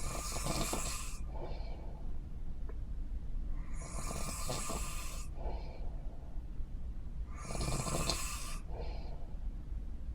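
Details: Snoring: three breath cycles at about 16 a minute, each a rough, hissing inward snore followed by a softer outward breath, over steady low background noise.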